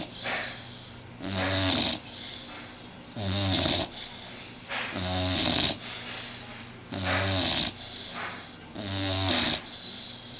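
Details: Blue nose pit bull, about 6 months old, sound asleep on a sofa just after a bath: loud, rattling snores with each breath in, about 30 a minute, quieter breaths out between; snoring.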